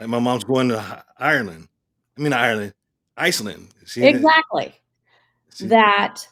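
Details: Aphasia in an adult male stroke survivor.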